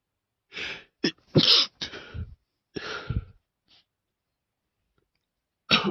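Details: Person's intense sneezing fit after sniffing too much chhinkni: rapid run of five or six forceful, explosive sneezes with gasping breaths between.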